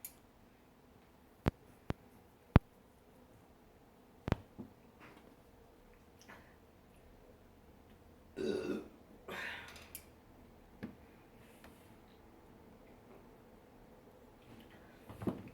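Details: Two low, rumbling burps in a quiet room after drinking soda, with a few faint clicks before them; burping.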